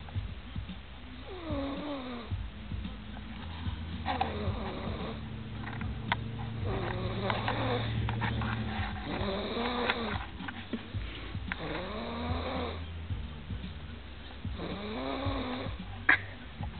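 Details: Sleeping cat snoring; soft, rough purring snores with each breath, with faint room noise.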